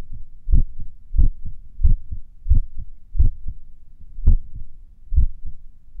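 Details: Clear paired heart sounds near 90 a minute with pauses that lengthen and shorten, recorded a few minutes after morning exercises: sinus arrhythmia during recovery.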